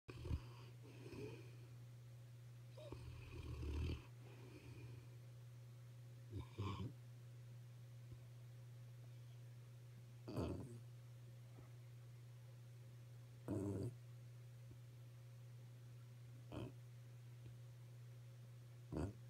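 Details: Snoring recorded 12-23-15: short, soft snorting snores about every three seconds (around 18 a minute) over a steady electrical hum.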